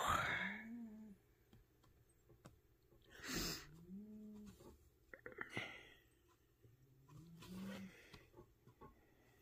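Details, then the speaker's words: Sleeping pet cat: three soft, rhythmic, slightly whistling snores, roughly 20 breaths a minute, over quiet room noise and faint handling sounds. Snoring. "je sais pas si vous entendez mon chat ronfler"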